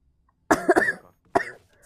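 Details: Woman with a bad common cold, sore throat and lost voice: two short, harsh coughs, the first a double burst, with a throaty rasp.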